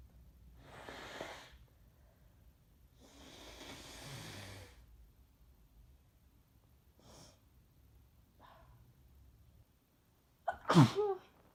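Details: Congested breaths and sniffs, then one sharp sneeze, from a person almost a week into a cold or flu, more congested with a sore throat after drinking the night before.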